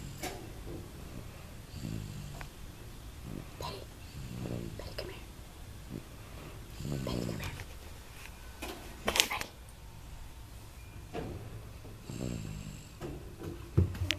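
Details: Repeated soft, rumbling snores from a sleeping animal, spaced several seconds apart, with faint room noise and brief rustling; snoring.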